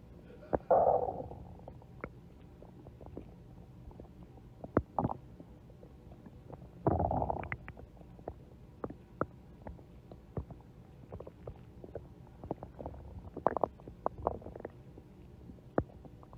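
Soft, irregular gurgles and low rumbling bursts with scattered clicks in a quiet room; ordinary stomach growling.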